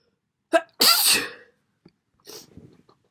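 A sharp intake and one forceful, hissing sneeze, followed by a brief softer nasal burst.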